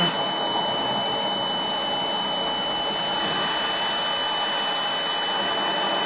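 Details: Cough assist machine (mechanical insufflation-exsufflation) used through a tracheostomy before sterile suction: steady machine whoosh with a faint whine that shifts partway through as the device changes phase.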